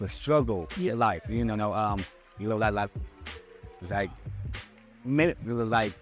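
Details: Stuttering in an adult man who still struggles with his speech impediment.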